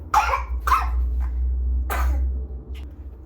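Three short, wet infant coughs over a steady low machine hum; a congested cough in a baby with RSV.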